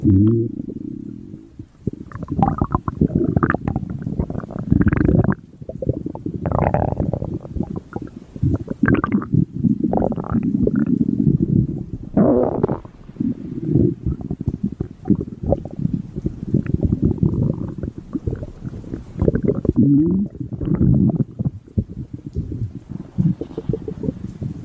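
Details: Mink's stomach growling: continuous low gurgling and rumbling from a small animal's belly, ordinary digestive bowel sounds (borborygmi).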